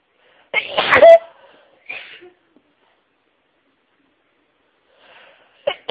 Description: Had another wonderful sneeze fit whilst listening to other sneezes - they definitely get my nose tingling!